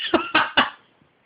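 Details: Young boy with hiccups, given a drink to get rid of them: three short, sharp cough bursts in quick succession, then quiet; cough.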